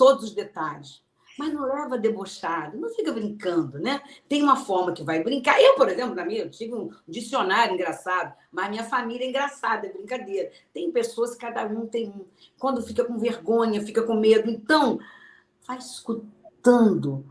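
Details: Aphasia in an adult woman, a sequela of a stroke suffered 12 years earlier; she had to relearn to speak, understand, read and write.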